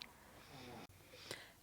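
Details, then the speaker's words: Background snoring from a sleeping Chihuahua in a quiet room: faint noisy breathing with a low rattly inhale and a brief snort near the end. "And yes, if you were wondering, that is a snoring Chihuahua in the background. Although by now most of you probably recognize the sound of air snoring."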